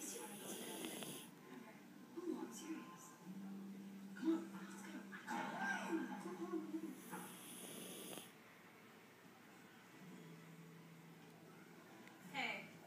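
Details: Yorkie dog in deep sleep snoring, with soft rasping, droning, irregular snore sounds over faint room noise.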